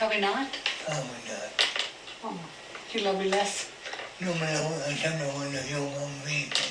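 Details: Elderly married man, recorded in 2019, with a lifelong speech impediment from a cleft palate that made communication difficult; cleft palate speech.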